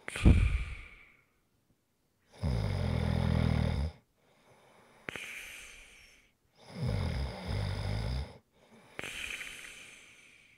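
Loud, low rattling snores on the in-breath, each followed by a softer hissing out-breath, about 12 breaths a minute.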